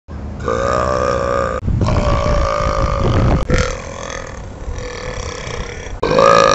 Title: gacki burping